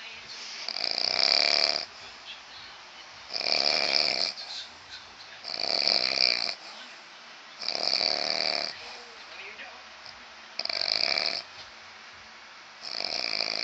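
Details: Loud, rough, rattling snores from a sleeping male recur every two to three seconds and are likened to a herd of animals: snoring.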